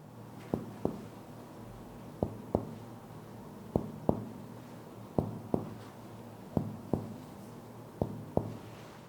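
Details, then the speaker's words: Finger-on-finger (digito-digital) percussion over the intercostal spaces of the anterior chest wall gives paired hollow, resonant taps, the clear normal lung percussion note. "som se chama som claro o monarca é o som do pulmão sendo percutido"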